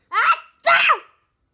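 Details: Sneezing: two quick, high-pitched sneezes in close succession.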